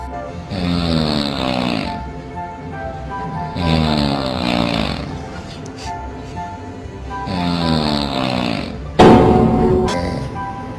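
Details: Person snoring: three long, rattling snores about every three seconds over a steady music bed.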